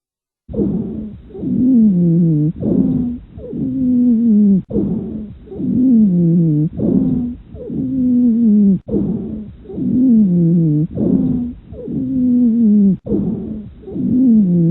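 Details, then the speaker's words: Breath sounds with continuous, musical, whistling wheezes lasting over 200 ms, heard through each breath at about 14 breaths a minute. "wheezes are described as relatively continuous sounds as compared to crackles they usually last for more than 200 milliseconds and have a musical quality"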